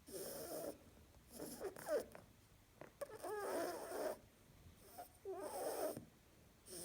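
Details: Sleeping female harlequin rabbit making soft, irregular snuffling snores with a light rattle, about 28 breaths a minute; snoring.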